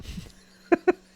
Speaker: Did that sound like words? Sometimes my cough sounds like words.